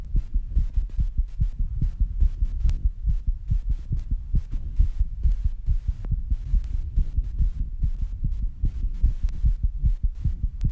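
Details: Own heartbeat recorded after rebreathing and squats, with heavy breathing: fast, strong, low thumping at about 140 beats per minute, a rapid heart rate from exertion.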